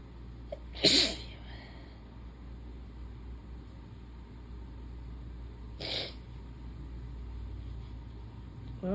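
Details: Relentless hay fever sneezing in a person who has lost their voice: two sharp sneezes about five seconds apart over quiet room noise, repeated seasonal allergy sneezing.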